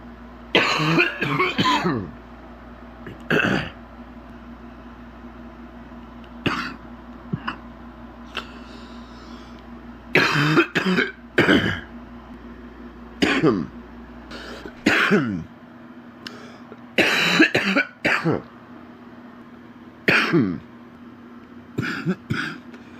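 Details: An adult man with a deep, wet productive cough: repeated deep, loose coughs in short bouts, from chest mucus.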